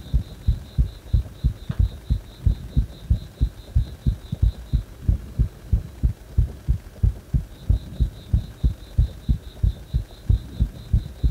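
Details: Heart that stays fast even after release from compression: strong, regular, low heartbeats at about 90 a minute, steady throughout; rapid heartbeat.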